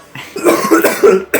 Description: I couldn't stop coughing… Hillary Clinton 2016 flashbacks! 🤧😂 Watch as I try to keep it together, but this cough just won’t quit.